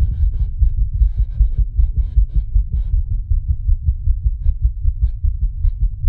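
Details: A person's own recorded heartbeat, set to an animation: fast, regular, pounding low thumps at roughly 150 beats a minute, a rapid racing heartbeat.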